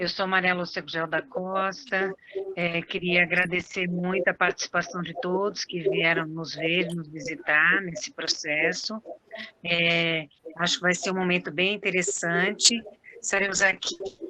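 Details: Adult woman; normal speech.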